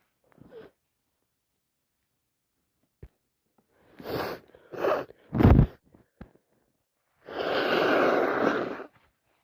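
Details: Wet sneezes on day 4 of a cold: quick breathy intakes followed by several short, moist sneeze bursts and a longer forceful one.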